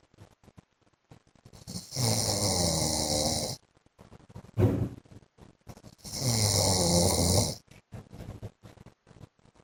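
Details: Adult man (husband) snoring in his sleep during a 15-minute recording: loud, rough snores on each breath with snorts between, about 14 breaths a minute; snoring.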